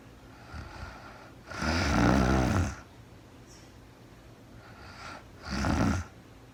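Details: Real-time recording of a woman asleep overnight, very tired, no talking (labelled REM sleep): coarse, fluttering inspiratory snores, two within a few seconds, separated by soft exhalation noise; snoring.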